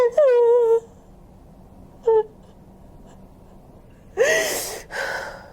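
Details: During a fascia healing session with a chiropractic adjustment, a woman being treated makes drawn-out vocal moans, then a sharp, breathy inhalation: a gasp.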